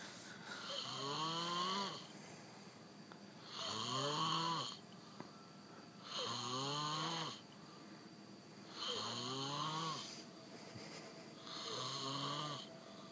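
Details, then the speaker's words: Loud, rising, grunting snores on each breath in, about 23 a minute, with quiet breathing between; heavy pig-like snoring. "Fuck, this fella's lungs must be fucked, eh?"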